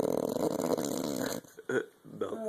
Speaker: babe come on you cannot be serious right now are you kidding me you are going to have to go sleep downstairs with all that snoring